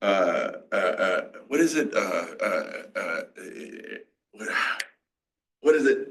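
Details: Aphasia in an adult male stroke survivor who developed it in his 40s and had to relearn to talk after the stroke.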